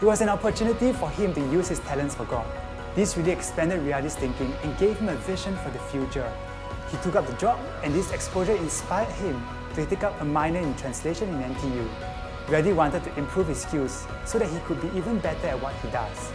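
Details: Adult narrator; Normal speech.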